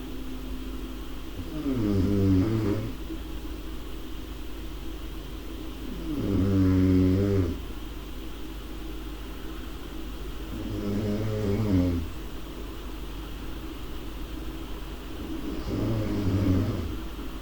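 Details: Snoring: four low, rattling snores on in-breaths, about 13 per minute, over a steady room hum.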